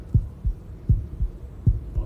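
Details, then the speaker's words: Child listening with a stethoscope in a children's show, judged "sounds good": regular paired low heart thumps about 100 per minute, no extra sounds; normal heart sounds. "And here's the stethoscope. The pediatrician checks my heart with this."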